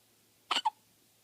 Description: My baby hiccup before she sleep